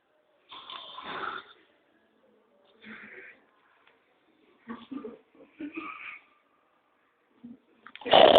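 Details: An old man asleep: loud rattling snores at irregular intervals, with quiet gaps between breaths, then a final louder snort; snoring during sleep.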